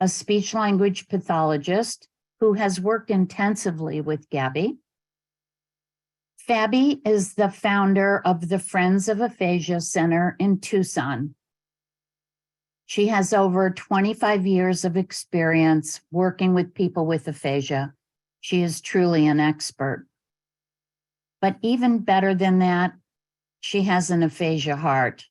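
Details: Adult female speaker; normal fluent speech.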